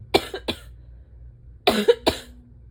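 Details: Person with asthma just after waking on an early-fall morning, pollen low to medium: two pairs of short, harsh, barking bursts, closer to coughs than sneezes; a morning asthma cough.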